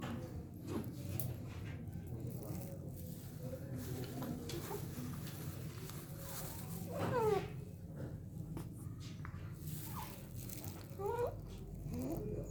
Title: Laryngomalacia (stridor in 3 months baby)